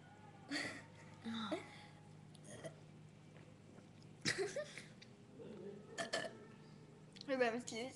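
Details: Two girls in a burping contest: several loud, rough, croaky burps with pauses between, against faint room noise.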